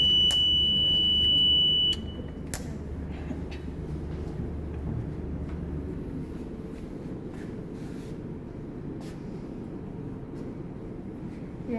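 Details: Sharp high-pitched electronic beep lasting about two seconds, then quiet machine and room noise; a ventilator alarm tone while the bedside ventilator is switched on during setup in a cardiovascular nursing training session.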